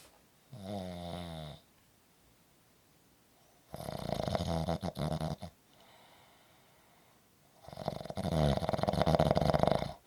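Loud rattling snores on breaths in, with quiet gaps between them; heavy snoring during sleep.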